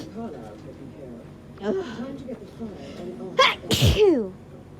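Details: Two forceful sneezes in quick succession after a sharp intake of breath, with quiet voices and background sound; hay fever sneezing, one of several filmed over 3-4 days.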